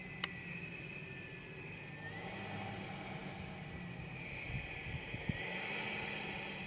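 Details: A 2007 CPAP machine switched on normally, starting at low pressure and gradually ramping up to the user's prescribed air pressure.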